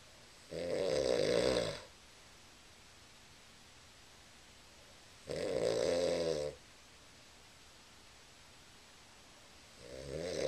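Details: Man snoring in sleep, told to roll over, recorded on a Flip Video camera: loud, rattling snores on each breath in, about 12 a minute, with quiet pauses between.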